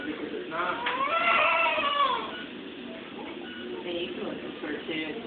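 A newborn gives one strong, rising and falling wail, then quieter fussing sounds amid room noise.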